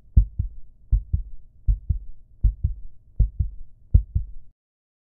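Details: Normal heartbeat: regular paired lub-dub thumps, six beats at about 80 per minute, with a faint low rumble between them.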